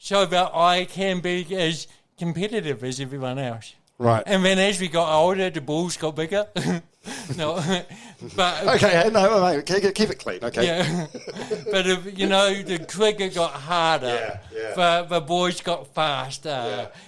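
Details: Adult man with cerebral palsy from birth, caused by oxygen loss to the brain during delivery (a brain injury); he says his thinking and articulation are intact; dysarthria (cerebral palsy).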